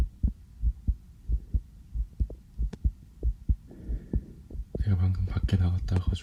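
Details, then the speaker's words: Normal heart sounds via a sensitive stethoscope on the speaker's own chest: regular soft lub-dub at about 90/min, slightly quick, with loud stethoscope rustling at the end. "저도 제 심장 소리를 이렇게 크게 듣는 건 처음이네요. 왜 이렇게 빨리 뛰지?"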